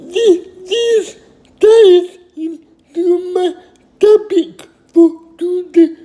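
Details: Adult male with cerebral palsy, who took his first independent step at age 18, speaking; finding: dysarthria (cerebral palsy).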